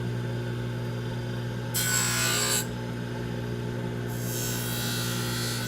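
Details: Dental lab lathe with an aluminium oxide wheel bulk-trimming the acrylic of a wraparound retainer into a horseshoe shape matched to the palate: steady motor hum with bursts of harsh grinding.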